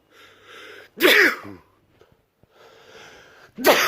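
Two loud, explosive sneezes with a voiced burst, about 2.5 seconds apart.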